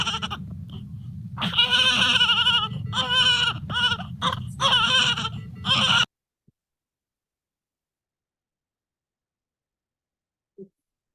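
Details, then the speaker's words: Newborn with neonatal abstinence syndrome (neonatal opioid withdrawal), symptoms may take a couple of days to appear: repeated shrill, high-pitched cries over about six seconds, then silence; the classic high-pitched withdrawal cry. "This can be one that it can take a couple of days before they really start to show some of those symptoms. One of the classic things you'll hear is this high-pitched cry."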